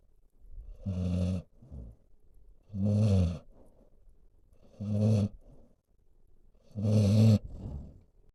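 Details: Senior dog sleeping calmly, snoring: loud, rhythmic rumbling snores with a softer sound between them, about 29 cycles a minute.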